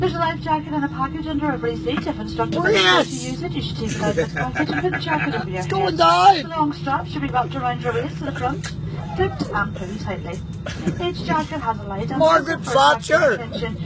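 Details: Adult flight attendant over aircraft cabin noise; cabin crew safety announcement.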